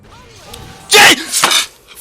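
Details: Person coughing twice, sharp and loud in close succession, while playing a video game, game sounds faint in background.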